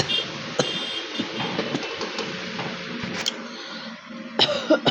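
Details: Real cough from someone with a bad cold: a few short, dry-sounding cough bursts and throat clearing.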